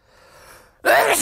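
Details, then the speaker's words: A quiet in-breath, then a single strong, explosive sneeze with voice, from a person trying to announce their sneezes aloud. "so I'm going to announce my CSS or try to announce my sneezes and see how that goes"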